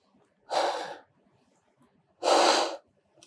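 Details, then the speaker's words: Two rushing airflow bursts, each about half a second, as two rescue breaths are given through a sealed mask with head-tilt chin-lift on a training manikin during basic life support training, between cycles of 30 compressions. "How many ventilations? 2 normal ventilations. Head till chin lift. Just place over the forehead and chin. Seal the mask."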